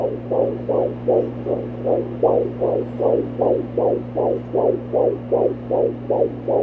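Fast, regular whooshing pulses at about 155–160 beats a minute over a steady low hum: a normal fetal heartbeat picked up by Doppler.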